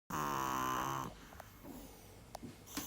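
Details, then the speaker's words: Sleeping pug dog: one loud, buzzing, rattling snore lasting about a second, followed by quieter snuffling breaths; loud snoring typical of a flat-faced dog. "вот так лерочка у нас храпит"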